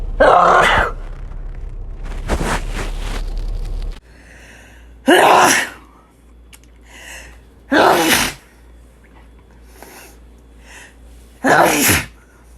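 Several separate forceful sneezes, each with a sharp inward breath before the burst, spaced a few seconds apart.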